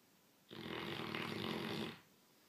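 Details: 6-month-old male Great Dane puppy snoring: one loud, rough, rattling, humanlike snore lasting about 1.5 seconds in a quiet room.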